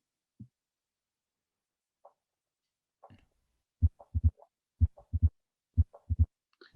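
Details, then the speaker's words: Filtered heart recording in mitral stenosis, slow regular rhythm near 62 a minute: first sound, second sound, then a close extra snap, the opening snap. "so we have the first sound the second style the opening snap and the low the story the intensity murmur"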